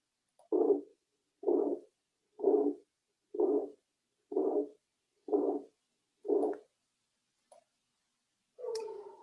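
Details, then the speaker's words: Aortic stenosis murmur: regular harsh whooshing systolic ejection murmur at about 62 a minute, radiating to the upper thorax and neck arteries. "Vamos ouvir o som do sopro causado por uma estenose aórtica"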